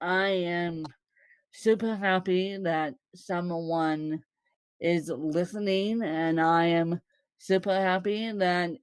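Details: Woman born with cerebral palsy, speaking; possible mild dysarthria, though no speech disorder is named.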